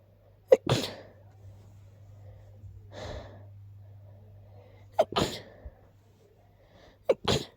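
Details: Person who is sick with a very stuffy nose sneezing: three sharp, congested sneezes, each preceded by a quick catch of breath, with a sniff between them.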